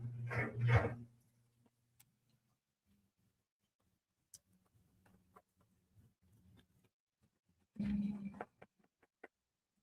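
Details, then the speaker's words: Dog snoring, owner says he is on a diet and hopes weight loss will lessen it: loud, rough, low snorting breaths with faint throaty noise between, in a quiet room. "Oh my gosh, can you hear Ziggy snoring? He snores like a man. He's so funny."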